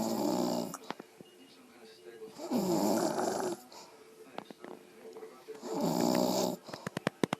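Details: Mother snoring loudly: rattling snores on two breaths in, about three seconds apart, with quiet breathing and faint clicks between.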